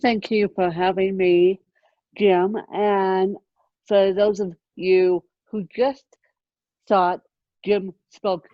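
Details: Adult woman born with moderate ataxic cerebral palsy, mid-spectrum, caused by lack of oxygen at birth, needing 24-hour care; ataxic dysarthria (cerebral palsy).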